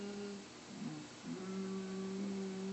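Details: Male patient with muscle tension voice in voice therapy doing straw phonation; airflow is only brief because he squeezes his laryngeal muscles; straw phonation with poor airflow.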